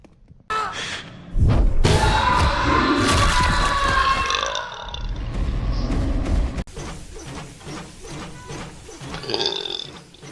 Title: burp compilation